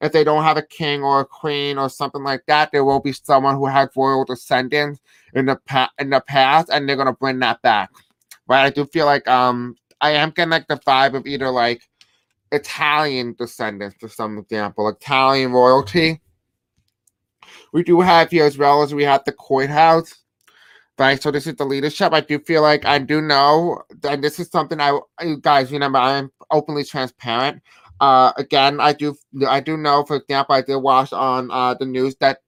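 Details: Deaf speech (deaf accent) in a man who describes himself as having a deaf accent.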